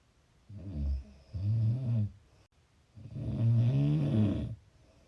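Low, rattling snores on the in-breath, two in about five seconds, the second long and loud; typical snoring.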